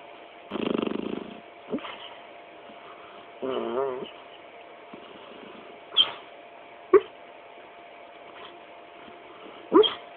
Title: Black Labrador making noises while sleeping